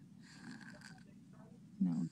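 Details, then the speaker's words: Sleeping child with sleep-disordered breathing, recorded February 6, 2009: faint shallow breathing, then two loud, harsh snorting breaths. He is breathing through his mouth and nose without congestion, snoring with obstructed breathing after breath-holding. "you can hear him snoring he's breathing through his mouth and up to his nose and he's not congested now"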